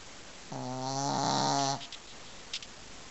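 A single long, buzzy, rattling breath sound of about one second in a quiet room, typical of a dog snoring.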